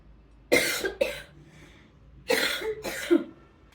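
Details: Cough from an adult woman who is unwell: four short, harsh coughs in two quick pairs, with a quiet room between them. An ordinary cough.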